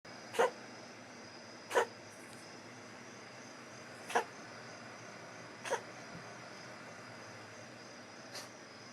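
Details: Female cat struggling to cough up a hairball: five short, sharp hacking coughs spaced a few seconds apart; hairball retching.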